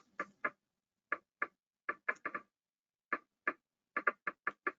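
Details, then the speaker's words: Needle EMG in motor neuron disease assessment: sharp crackling pops in close pairs, like a split heart sound. These are double (extra) discharges, likened to fasciculation potentials "on steroids", a non-specific finding also seen in normal subjects. "that's discussed in his book here if you're not familiar with them i think they're kind of fun and that's that little second potential you see occurring there you hear it as a like a split heart sound so this is basically fasciculation potentials on steroids there's the extra discharge or double discharge there it is"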